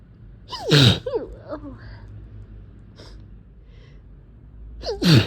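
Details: Two loud sneezes, each with a rising inward gasp, separated by quiet sniffing and breathing; allergic sneezing from cat exposure, with sore throat and eyes that can barely open.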